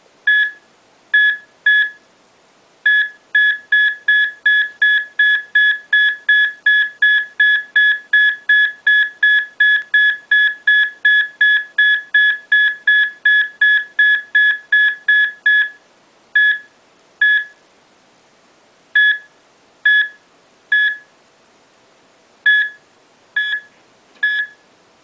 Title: Watch a person dying #HeartBeatOfADyingPerson #HowAPersonDies #ADyingPerson #kishanganj